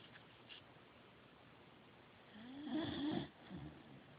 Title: Snoring Corgi